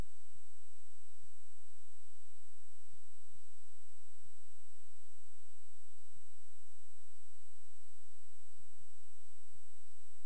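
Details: Faint, quick rhythmic thumps under a steady hiss: a fetal heartbeat at 29 weeks of pregnancy, heard on fetal Doppler ultrasound.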